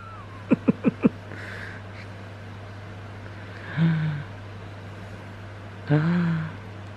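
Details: A newborn baby boy, being rocked while awake, gives short fussy cries in a few brief bursts, then two longer wails over a steady background hum; ordinary newborn crying.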